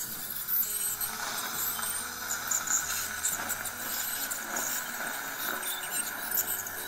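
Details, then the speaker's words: Ultrasonic scaler removing stains from lower front teeth of a staff member during orthodontic wire replacement, wire removed: high-pitched whine with squealing tones over low room noise. "はい、こんな感じで超音波で着色を落としていきます。コーヒーや紅茶を飲む人はよく着色がしやすいです。"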